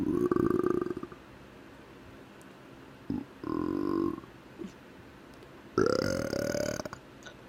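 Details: Three loud, drawn-out voluntary belches on command, the last higher pitched: deliberate burping.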